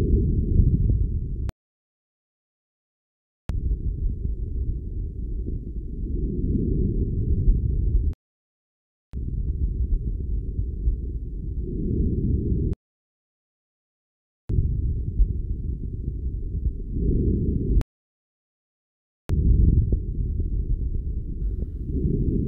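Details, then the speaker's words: Healthy individual, stethoscope moved from lung bases upward and over costal and subaxillary zones with arms raised: soft, low-pitched, almost exclusively inspiratory breath sounds; normal vesicular breath sounds, equal on both sides. "el murmullo vesicular es un ruido casi exclusivamente inspiratorio suave y de tonalidad baja"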